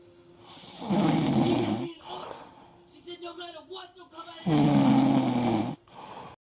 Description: I got caught snoring.